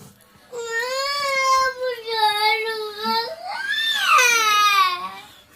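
Loud, sustained wailing cry from an infant with rising and falling pitch, plus brief adult talk in the room.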